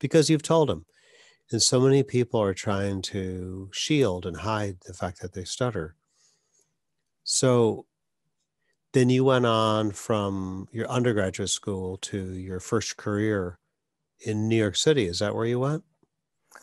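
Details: Adult male speaker; no speech disorder.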